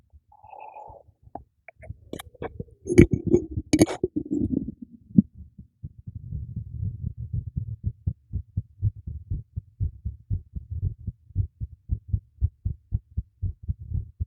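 After some handling noise, steady low paired thumps at about 75 beats a minute; a regular heartbeat.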